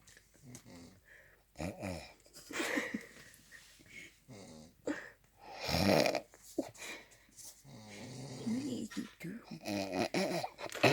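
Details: Friend asleep snoring, with someone possibly imitating the snores: rough, rattling snore-like breaths with mixed vocal sounds and gaps.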